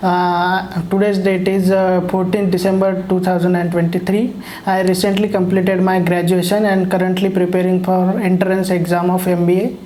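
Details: Puberphonia in a 23-year-old man with a persistent high-pitched voice after puberty; pre-voice-therapy recording.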